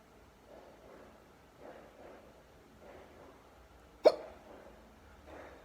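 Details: Deep hiccups: soft repeated low sounds, then one sharp sudden hiccup with a quick gulp, over quiet room noise.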